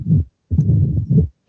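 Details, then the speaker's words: A long, low-pitched rumble between beats as the atrium pushes harder to force blood into the ventricle; the murmur of mitral stenosis. "va la aurícula va a ejercer mayor fuerza, mayor presión para tratar de inyectarlo hacia el ventrículo y eso también va a generar el soplo."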